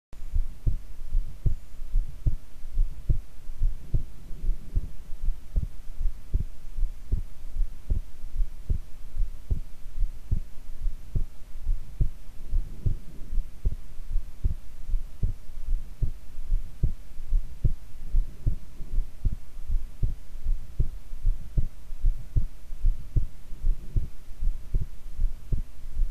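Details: Normal heart sounds self-recorded lying prone: steady, regular low heart thumps at about 77 beats a minute, with a faint steady hum behind.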